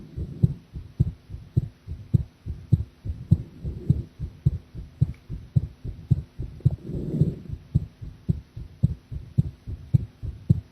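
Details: Heart sounds recorded while drinking coffee; the person felt the heartbeat was unstable.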